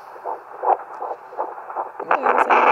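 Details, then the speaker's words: Handheld fetal Doppler (2 MHz) at 10 weeks 6 days of pregnancy: rapid, regular whooshing fetal heartbeat. Extra probe pressure is applied, the signal is easily lost, and the mother's own heartbeat sometimes distorts it. "so I'm applying a little more pressure that's how I find my baby's heartbe and as you can see it's easily I can easily lose it and there's sometimes Distortion with my own heart heart rate"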